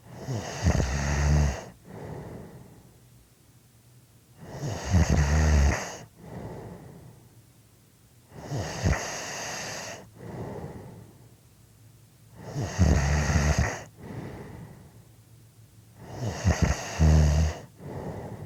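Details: Person snoring: loud, deep, rumbling snores with quieter breaths out between them, about 13 breaths a minute; snoring.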